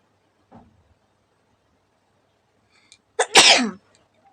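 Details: Deliberately induced sneeze during a sneezing challenge, provoked with a stick in the nose, around the fifteenth to sixteenth of a planned 30: faint sharp intake then one loud explosive sneeze.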